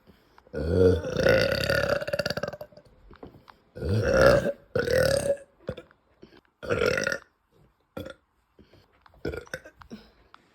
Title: uncontrollable burps after eating